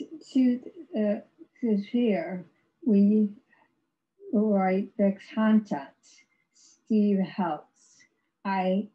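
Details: Non-fluent aphasia in an adult woman after a severe stroke in 2010, about 11 years earlier; she had no speech for three years and has ongoing speech difficulty, described as severe aphasia.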